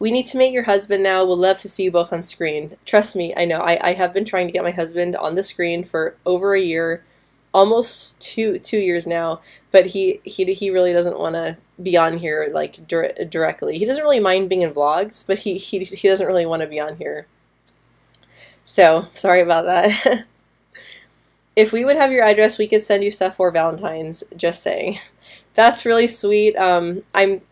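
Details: Woman who stutters, speaking live with a part-word repetition on 'molasses'; stuttering.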